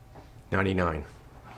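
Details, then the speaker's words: Bronchophony on chest auscultation: the patient's spoken "ninety-nine" transmits louder and clearer than normal, a voice sound checked where bronchial or bronchovesicular breath sounds are heard abnormally. "99 voice sounds that are louder and clearer than normal as in this example are called bracophony"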